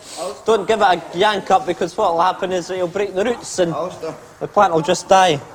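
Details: Adult male speaker; Normal speech.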